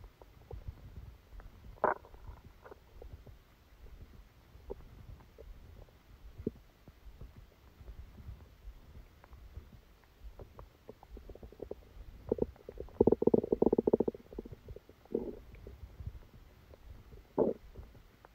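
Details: Stomachache after Christmas dinner, recorded while the person was sleeping: quiet background with scattered gurgles and a longer rumbling gurgle; active bowel sounds.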